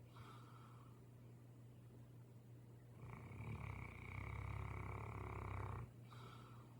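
A long, loud, rattling breath sound rises and falls against steady low room hum: a sleeping dog snoring.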